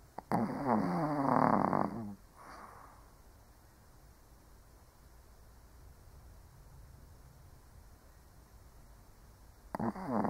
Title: Doggo ASMR - 1 Hour of Snoring Shih Tzu (cute/old doggo sleeping)